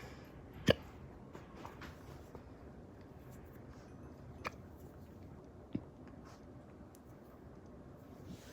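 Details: Person with hiccups while recording Minecraft gameplay commentary: three short, sharp, ordinary hiccups over about nine seconds against quiet room noise.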